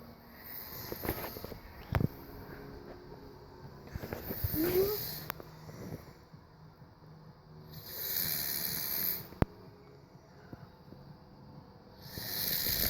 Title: Snoring is so loud